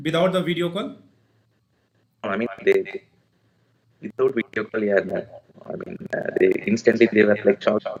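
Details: Adult male with puberphonia (previously high-pitched, female-like voice, sometimes dual voice), speaking after voice therapy; pre-therapy recording 4 Nov 2020; voice now reported stable; puberphonia after voice therapy.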